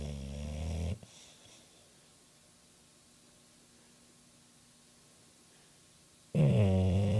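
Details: Low, rumbling snoring breaths from a sleeping dog, two breaths separated by a long quiet pause; snoring.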